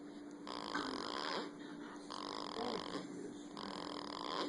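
Three noisy, rasping breath sounds repeat over a steady background hum, about every one and a half seconds; snoring.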